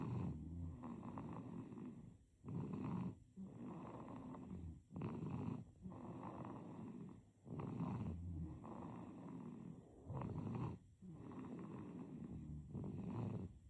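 Soft snuffly snoring on both breaths in and out, about 20 to 25 breaths a minute.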